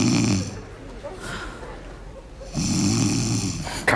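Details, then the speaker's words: Pet, species unclear (cat or dog), snoring while someone asks whether it is snoring: two low rumbling snores about two seconds apart, with quiet breathing between them. "ты ты Что храпишь Что ли"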